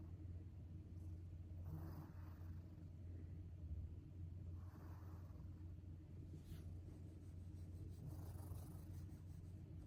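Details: Sleeping cat snoring with an unusual, almost human-child-like sound: soft, breathy snores about every three seconds, roughly 20 breaths a minute, over a steady low rumble.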